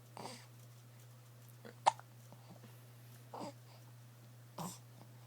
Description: has the hiccups :)